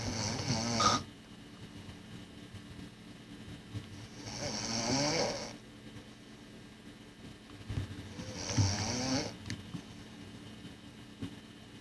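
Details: Three rough, rattling snores about four seconds apart, roughly 14 a minute, with quiet room noise between; ordinary snoring.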